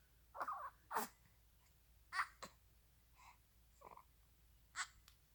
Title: Bright eyes with hiccups